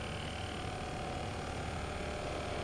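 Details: Steady, even motor buzz with a low rumble from a MiniFlow percussion massage device running at constant speed during a muscle recovery demonstration.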